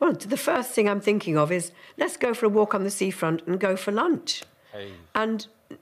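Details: Adult woman; typical speech.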